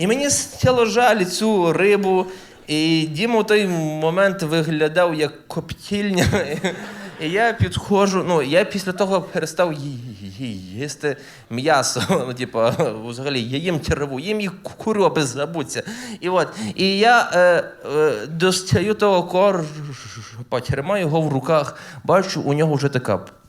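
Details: Adult man who stutters, performing live stand-up comedy, with stuttering heard in his speech.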